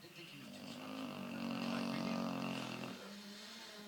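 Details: Person snoring loudly enough to disturb someone's rallying: one long, rough, buzzing snore on a breath, rising and then fading, over faint room noise; snoring.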